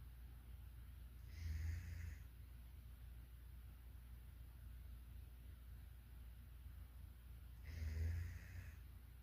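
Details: Sadie, a German shepherd dog, sleeping deeply and snoring: two long, low rumbling snores about six seconds apart, separated by quiet breathing, with steady room hum.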